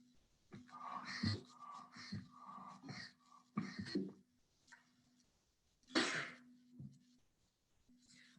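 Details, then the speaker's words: Demonstration of lung volume recruitment with a one-way-valve resuscitation bag: several stacked breaths into the chest, then one strong assisted cough, a technique for a weak cough in neuromuscular disorders. "now if i have a weak cough the other thing i can do if i have a weak cough because i can't take a deep breath i can use that bagger to help me take a deep breath and cough more"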